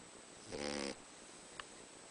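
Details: Boxer dog snoring like a human: a single short, nasal, whistly snore on one breath in a quiet room.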